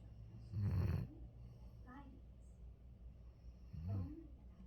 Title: sweet dreams all. Hero snoring away. #love #dog #happy #soberlife #mentalhealth